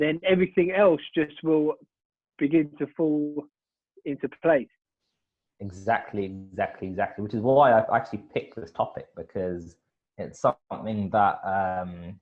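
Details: Adult man who stutters, hosting a podcast run by people who stutter; stuttering.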